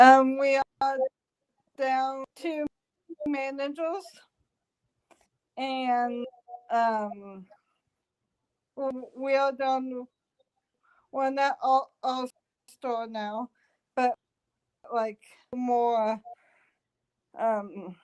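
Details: Female stroke survivor in speech therapy, with long pauses and word-finding difficulty; post-stroke aphasia.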